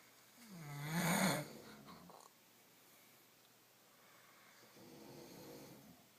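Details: Several people snoring together in sleep: one loud, harsh, rattling snore on the in-breath, then a quieter breath; ordinary sleep snoring.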